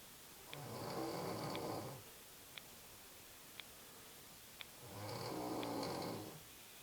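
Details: Adult woman sleeping in the morning: two long, loud rattling inhaled snores about four seconds apart, faint ticking clock in a quiet room; ordinary snoring.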